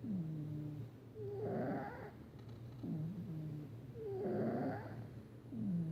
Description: This is our Cat "Patches" snoring. He's cute, cuddly but makes a lot of noise when he sleeps lol!